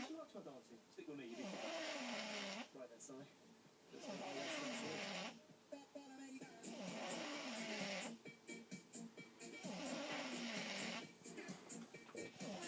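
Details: Slow, regular, loud snores with a rattling, wavering tone, about 22 a minute, with television sound in the background; snoring.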